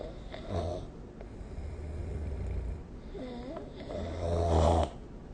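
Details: Snoring during sleep recorded with the SnoreLab phone app: loud, rattling inhaled snores with a low vibrating flutter and a brief tonal snort in between.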